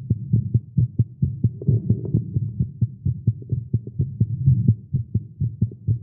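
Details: Male heartbeat after exercise and caffeine: rapid thudding at roughly 130 beats a minute with slightly uneven spacing; fast heartbeat, tagged as irregular.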